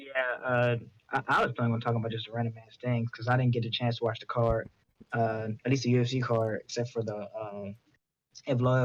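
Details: Adult man; Normal speech.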